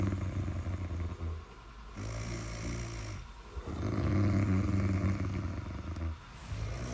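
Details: Loud, low rumbling snores repeating with short pauses between breaths; heavy continuous snoring.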